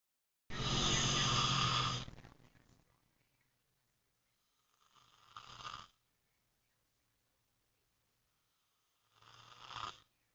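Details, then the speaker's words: Adult man (husband) snoring in sleep: three loud, rasping breath noises separated by silent pauses, the first long and harsh. "Love, you snore. Love, you're snoring."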